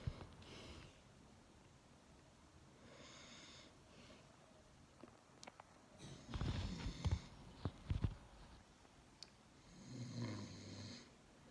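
Quiet breathing with a few low, rattling snorts and rumbling snore sounds on breaths in, in a small room; ordinary snoring during sleep.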